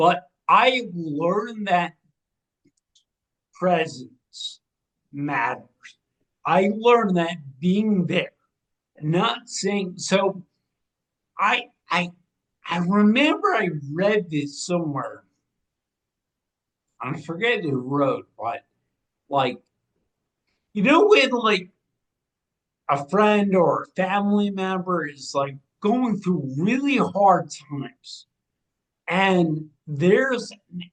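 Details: 45-year-old man with cerebral atrophy and ataxia, a degenerative brain disease diagnosed in 2013 (also given as 2014) affecting movement, balance and speech; speech changes began around 2020 as it progressed; ataxic dysarthria.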